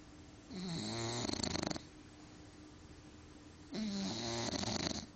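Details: LuLu, a bulldog, snoring: two loud, fluttering, rattly snores on the in-breath, a few seconds apart, with a low hum behind; short-nosed dog snoring.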